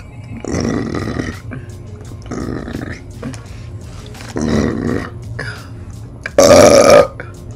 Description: It’s a smorgasbord of wet BURPS, loud raunchy burps, throat burps, growling burps, bass burps, long burps, lofi burps AND combos of HICCUPS PLATTER UP! 🛎️🛎️🛎️😂🩵